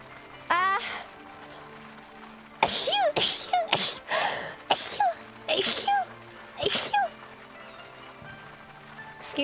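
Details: Several sharp, high-pitched sneezes with quick gasps before them over background music, likely a voiced character's sneezes; sneezing.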